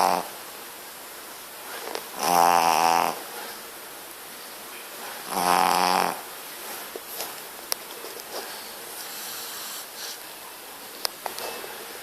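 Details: Sleeping pug puppy: two loud rattling snores about three seconds apart with quiet gaps between; snoring.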